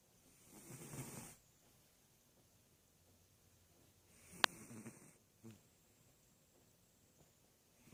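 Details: Snoring of a Sphynx cat.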